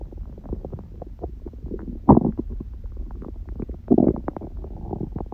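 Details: Adult on a raw-food diet, one meal a day with only a smoothie in the morning, recorded lying down: continuous gurgling and rumbling with bubbly pops and two louder growls; hunger stomach growling (borborygmi).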